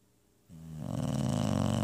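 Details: A dog, called a pup and "my old man", snores in sleep: a single loud, rough, rattling breath sound that builds up during inhalation; snoring.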